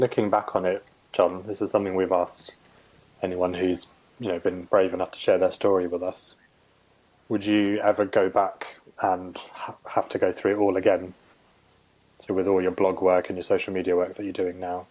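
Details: Adult male speaker; normal speech.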